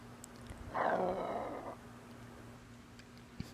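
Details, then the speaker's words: Painful gurgling after eating following sleeve gastrectomy (post-op VSG), felt in the chest up to the throat and lasting about 30 minutes after meals: one brief, loud, wet gurgling rush over a faint steady hum; not a burp. "i'm just recording so that you guys can hear the sounds that my body makes when i eat i'm and this is how it goes for a good 30 minutes after i eat and it's"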